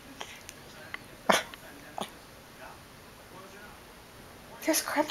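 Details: Girl with hiccups: three short, sharp hiccup bursts followed by a brief noisy sound in a quiet room; hiccups.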